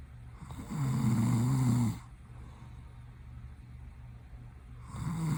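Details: A sleeping boyfriend snores loudly, low and fluttering on each in-breath, with quiet breathing between snores; he is opening his eyes while asleep.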